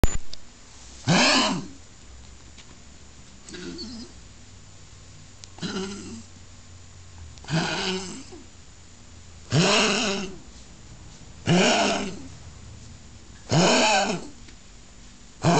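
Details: Small dog diagnosed with tracheal collapse, also with a significant heart murmur from myxomatous valve degeneration, on medical treatment: series of harsh, goose-like honking coughs.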